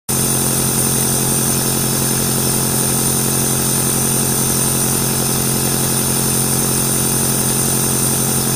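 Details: Nebulizer compressor running, played as white noise to help a baby sleep: steady mechanical hum with a rapid, even buzzing pulse.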